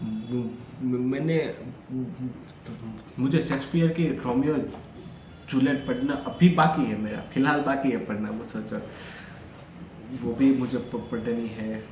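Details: Stuttering in an adult male who stammers, recorded during day 5 of a daily speech practice routine, speaking freely as continuous-speech practice.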